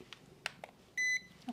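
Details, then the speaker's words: Temporal forehead thermometer used on a volunteer in a role-play demonstration of a pediatric exam: a few soft taps, then one short, steady electronic beep signalling that the reading is done. "Now, for adults, adolescence into their pre-teen years, as well as someone Sandra's age, we would use a regular temporal thermometer, in which case we just test at the normal forehead set."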